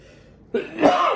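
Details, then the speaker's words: Single short adult cough or throat-clear after quiet, a reflex to spicy fumes while mixing chili paste with ginger and garlic for kimchi; irritant cough. "chili paste got that ginger and that garlic and you can hear me cough then because it's super spicy"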